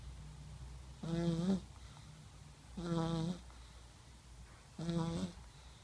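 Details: 1-year-old child snoring while asleep at night: short, soft, buzzing snores repeating about every two seconds over a steady background hum.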